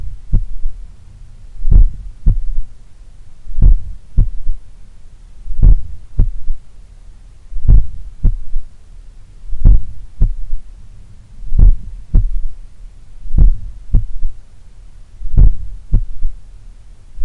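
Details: Recorded at the apex in the morning, lying on the left side: slow, strong heartbeat about 30 a minute with a low extra sound after S2; third heart sound (S3) from blood recoil or a slightly larger, supple left ventricle.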